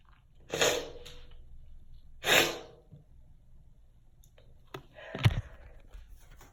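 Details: Two sharp explosive sneezes a couple of seconds apart, followed by a snort and soft sniffing; sneezing.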